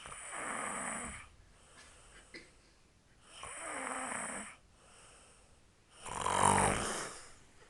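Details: Female heard loudly snoring at bedtime: rattling snores on each inhalation, roughly 20 breaths a minute, with quiet exhalations between.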